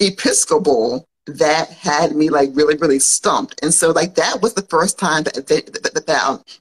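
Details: Woman who grew up with a stutter and still stutters as an adult, mild enough that many listeners would not notice, speaking on a live podcast recording; developmental stuttering.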